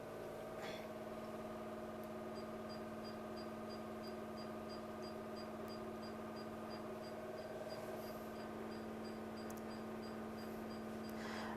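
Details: Diode laser hair removal on a man's facial beard: steady machine hum and fan noise with faint repeated high beeps, about two a second, as laser pulses fire.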